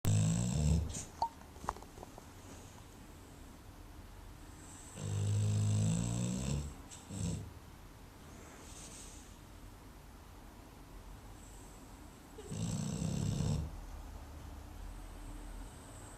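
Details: Dog Gunther napping: loud, rattling low snores on inhalation, spaced several seconds apart, with quiet breathing between; snoring.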